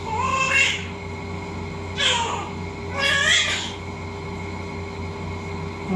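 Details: Newborn's first cry just after a normal vaginal delivery of a big baby, born at 11:29: three short, high-pitched cries over a steady room hum; a normal first cry.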